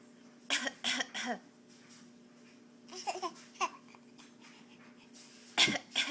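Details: Bad cough.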